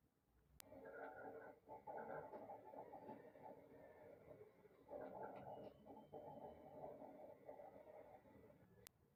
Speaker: de las características de este autoculpación ronquidos es porque tiene como un tipo musical porque consigue en un mundo de melodías